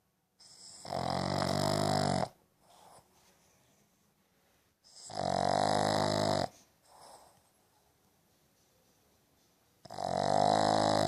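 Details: Two-year-old rescued Boston terrier Sydney sleeping with her eyes open, snoring: loud, rough inhaled snores about every four seconds, each followed by a soft exhale, roughly 15 breaths a minute.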